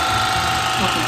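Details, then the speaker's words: Electric ear wax irrigator (Tilcare kit) flushing a man's other ear after wax-softening solution sat 10 minutes: steady mechanical buzzing with hissing spray water, felt strong in the ear; many small wax pieces removed. "so we did again put um solution and we waited for 10 minutes so now he's ready to flush it"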